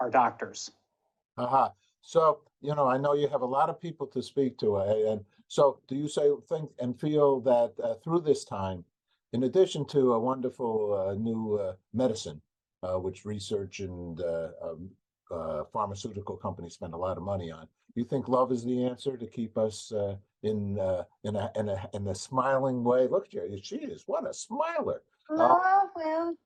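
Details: Adult male speaker; normal speech.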